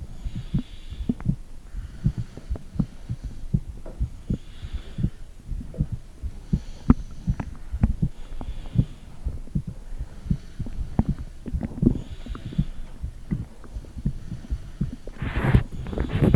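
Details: Mother's own heartbeat recorded with her phone, microphone on her stomach: muffled low thumping at roughly 80 per minute under rubbing and gurgling noise; heartbeat through the abdomen.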